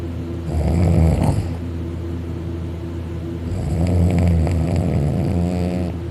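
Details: Dakota, a male napping on a couch on his back with his arm over his head, mouth open and drooling; loud, deep rattling snores on two long breaths, some higher-pitched, loud enough to vibrate the couch, said to be louder on his back.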